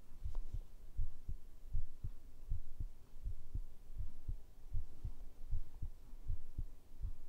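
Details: ASMR heartbeat recording, apparently made with a binaural microphone: a soft, steady, low thumping heartbeat at about 80 beats a minute over a faint background hum; normal heartbeat.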